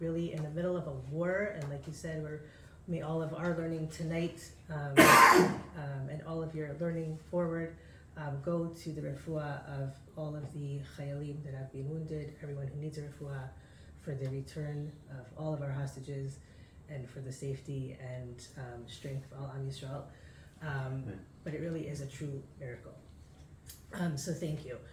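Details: Adult man with aphasia after a stroke six years earlier, with memory loss and loss of use of an arm; difficulty speaking, writing and reading, knows what to say but can't get it out; reading a prepared text aloud; aphasia after stroke.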